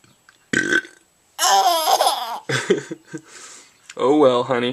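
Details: Infant laughing at burping: a loud, drawn-out belch followed by the baby's bright laughter; ordinary burping.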